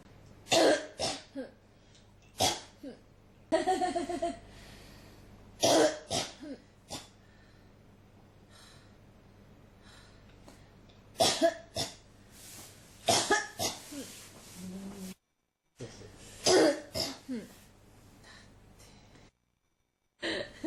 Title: 咳が止まらない 35 cough